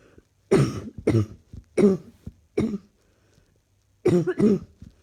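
Six harsh coughs in quick clusters, in a quiet room.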